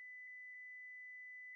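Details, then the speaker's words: Simulated tinnitus: a steady, unchanging high-pitched whistling tone, imitating the ringing heard only by the person with tinnitus. "si vous avez des acouphènes c'est que vous entendez des sons qu'il n'existe pas dans la vie qui vous entoure vous seul pouvez les entendre"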